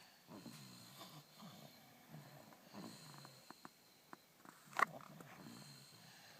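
Soft, repeated rattling snores with each breath over faint room noise, and a brief snort partway through.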